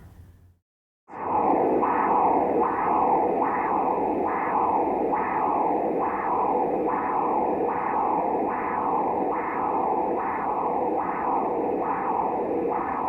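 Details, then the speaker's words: Transcranial Doppler probe angled up and forward from the terminal internal carotid to the middle cerebral artery: rhythmic whooshing pulses, about 80 a minute, of middle cerebral artery flow. "So that was the terminal internal crowded. Now I will angle up and forward and we'll get the middle cerebral artery."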